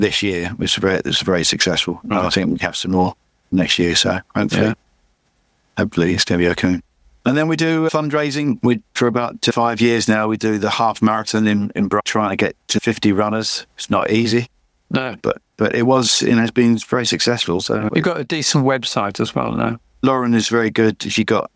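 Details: Adult male with chronic aphasia after a massive stroke about 11 years earlier; still unable to read or write; aphasia.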